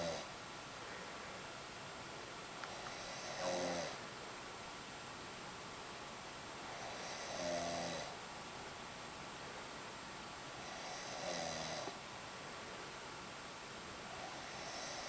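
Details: Slow, fluttering snores at about 15 breaths a minute, with quiet pauses between them over a steady background hiss; ordinary snoring.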